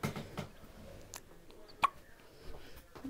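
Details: Baby with hiccups: a few short, sharp catches in a quiet room, one standing out clearly; infant hiccups.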